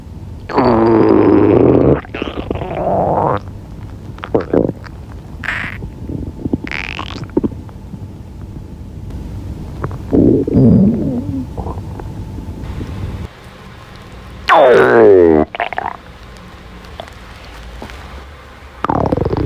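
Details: Hungry girl's stomach growling: loud abdominal gurgling and rumbling in several bursts, some with a rising squeaky tone; normal hunger borborygmi.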